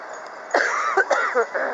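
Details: A brief run of a few short, harsh coughs from an adult male street preacher preaching outdoors at Jaffa Gate, Jerusalem, with street noise behind; cough.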